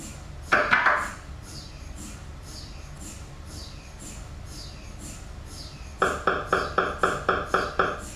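Loud, fast repeated mechanical knocking in bursts over a steady hum, typical of an MRI scanner running its imaging sequences.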